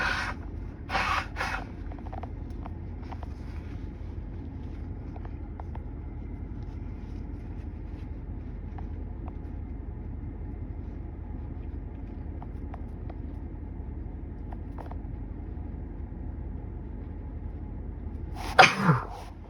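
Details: Two short sneeze bursts at the start and one at the end, recorded in a car over the air-conditioning hum after the first spring hike: sneezing from pollen irritating the nose.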